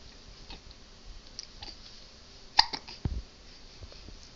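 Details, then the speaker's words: Infant hiccups from a baby boy aged 3.5 months (15 weeks): a couple of short, abrupt hiccup sounds over quiet room noise, on a Monday morning. "Hiccups. Hiccups. Oh my. Oh my. How you going to get rid of those hiccups?"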